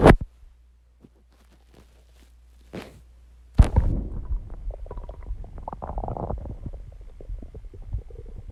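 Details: Stomach growling recorded after exercise and calming down: after a few soft knocks, a long, low, bubbling gurgle rolls on for several seconds, normal borborygmi.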